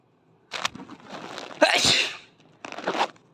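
A child's sharp, explosive sneeze, with softer breathy sounds before and after; an ordinary sneeze triggered by a tickled nose.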